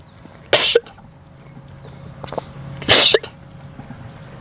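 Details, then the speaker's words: A farm goat coughing twice outdoors: two sharp, harsh explosive bursts about two seconds apart, sounding remarkably like a human cough. "I never knew goats coughed like a human. Dude, that sounded like me."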